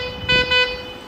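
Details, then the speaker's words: An Entrusted syringe pump sounds two short, bright alarm tones over a steady hum because it cannot detect the syringe. "Now it is giving me an alarm that the syringe is not present because it is unable to detect the syringe from your hair."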